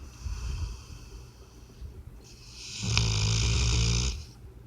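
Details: Sleeping puppy snoring like a person: a loud, low, rattling snore on a breath, following quieter breathing.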